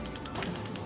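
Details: Rapid, regular clicks at about ten per second: the stimulus of a BAER hearing test, recorded through electrodes, on a puppy of a breed predisposed to genetic deafness.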